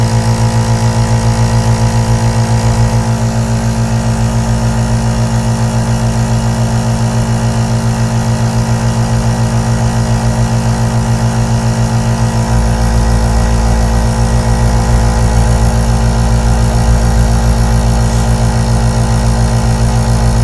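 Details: Steady running noise of an aerosol nebulizer compressor, presented as white noise for relaxation and sleep.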